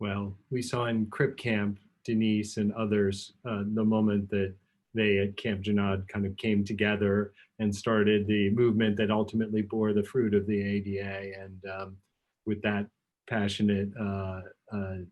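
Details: Adult male speaker; ordinary speech.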